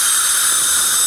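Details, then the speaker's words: Steady high-pitched whine and hiss of a high-speed dental handpiece with an Axis Z-cut diamond bur, moved in circular motions to adjust the bite on porcelain restorations after cementation, cutting a groove by the marginal ridge. "little Groove accentuate the groove in front of the blue line and then just carry our Diamond bur the Zer cut in this case kind of a circular motion to maintain the natural tuth Anatomy"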